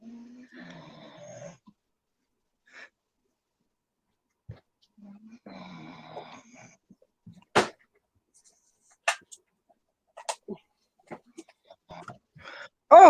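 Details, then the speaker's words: Two rough, rumbling snores about five seconds apart from a sleeping dog, ordinary snoring. "I don't know if you can all hear that that's my dog snoring that's ridiculous"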